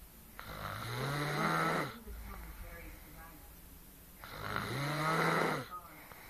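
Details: Adult woman (girlfriend) snoring in her sleep although she claims she doesn't snore: loud, low buzzing snores on each in-breath, two about four seconds apart, with quieter out-breaths between.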